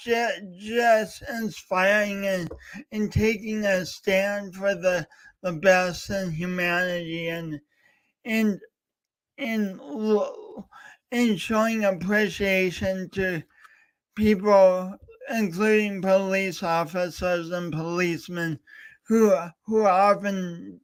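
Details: Real stuttering with word repetitions in a male speaker, heard during a three-hour live talk-a-thon marking speech impediment day.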